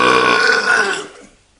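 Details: One loud, drawn-out belch lasting over a second, fading at the end; burping while having a beer.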